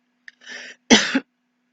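A brief inhaled breath followed by one short, sharp cough in a quiet room, acted as a demonstration.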